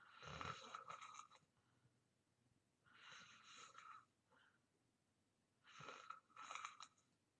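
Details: Person in deep sleep snoring: three rattling snores on breathing in, roughly every three seconds, with quiet breathing out between; ordinary snoring.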